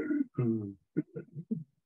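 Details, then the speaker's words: An adult EMS lecturer gives a voiced imitation of stridor, harsh crowing breath noises, contrasted with wheezing, which is a high-pitched, mostly expiratory whistle heard with a stethoscope; imitated stridor. "like that that's not wheezing that's called Strider and that's a completely different situational problem"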